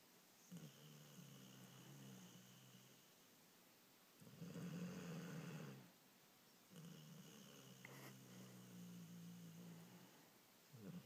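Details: A sleeping dog snoring, said to sound like a 50-year-old man: soft, low rumbling snores on each breath, about three in eleven seconds, over faint room noise.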